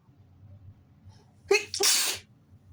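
A brief catch of breath, then one forceful sneeze in two bursts: a sneeze from a tickling nose.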